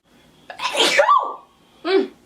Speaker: oh right here I have a sneeze bless you excuse me